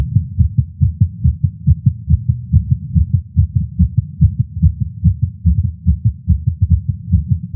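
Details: Male smoking a cigar after not smoking for a while, feeling lightheaded; heartbeat heard through a stethoscope is fast and regular at about 140 beats a minute, showing tachycardia influenced by nicotine.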